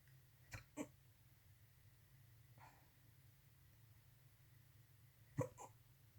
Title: Night hiccups